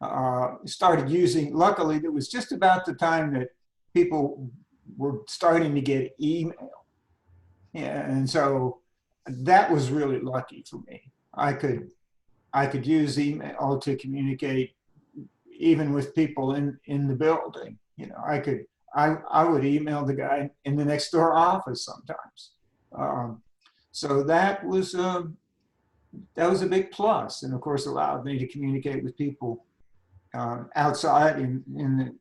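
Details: Adult man with spasmodic dysphonia diagnosed at age 51, managed without Botox through practice and workarounds; talking is tiring and some words such as "yes" take much effort; spasmodic dysphonia.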